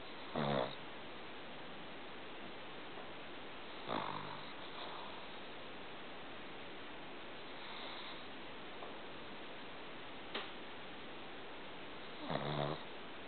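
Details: Snoring from a sleeping shih-tzu: occasional short snorting snores a few breaths apart over steady room hiss.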